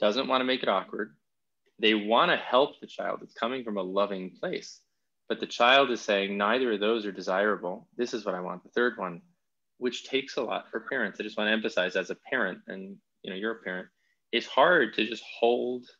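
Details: Adult man speaking; ordinary speech.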